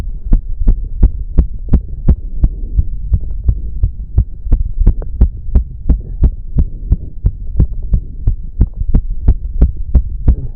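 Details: An adult male's very fast, strong, regular low thumps during an intense cardio workout he cut to 15 minutes, with heavy breathing over a steady hum; he reports it was close to 200 bpm; exercise-induced tachycardia.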